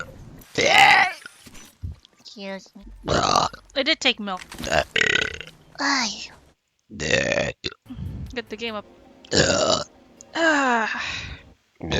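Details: Compilation of a vtuber burping during streams: several loud burps mixed with short voiced sounds and speech; burping.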